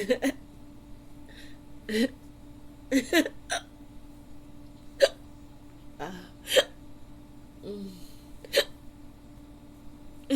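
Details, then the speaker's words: Staged sleepover role-play: a young woman trying to fall asleep has repeated sharp vocal hiccups, about nine in ten seconds, in a quiet room; she has had hiccups off and on for about 15–20 minutes and is being tickled. "I'm really trying to fall asleep but I can't can't do to these hiccups hiccups excuse me I've had them for about I've had them off and on for about 15 20. minutes Maybe"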